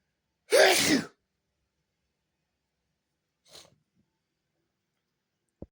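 One loud, explosive sneeze, then a faint sniff and a soft click.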